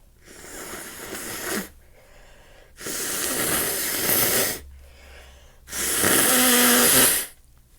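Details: Three long, forceful, hissing nose blows into a hanky, from someone with a stuffy, congested nose who is also sneezing and sniffling.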